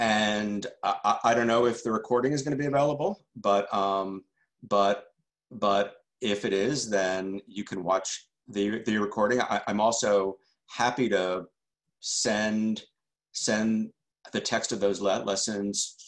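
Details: Adult male journalist who stutters and calls himself a stutterer, answering questions after a talk, with word repetitions: stuttering.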